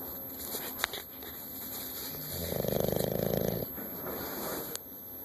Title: Bulldog snoring Gunner